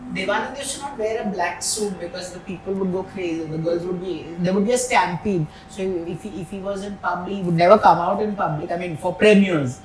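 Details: Adult speaker; typical speech.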